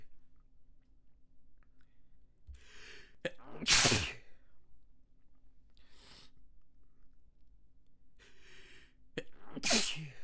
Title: Small Sneeze and Stifle Fit with Noseblow